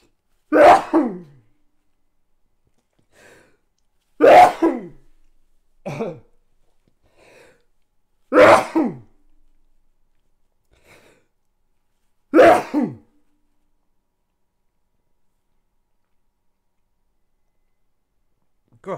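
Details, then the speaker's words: Four forceful explosive sneezes about four seconds apart with smaller coughs between, an episode of coughing and sneezing that the person says happens every time, followed by voice loss; sneezing fit. "so it always happens it's just one of those things that happens every time a cough sneeze like crazy and then I've lost my voice for a bit"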